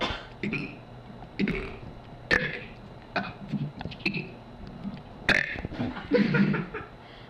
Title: Girl Burps the ABC's